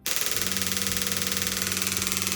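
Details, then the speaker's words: Radial shockwave therapy device running in a clinic, used there for shoulder and elbow pain rather than for erectile dysfunction; rapid, steady, continuous rattling pulses like a small jackhammer. "Okay. Sounds like a jackhammer, right? So it's good for muscles separating muscle and so forth."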